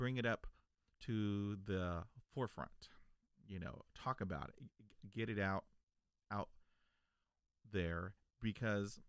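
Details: Stuttering in an adult man who has stuttered since childhood; spontaneous speech.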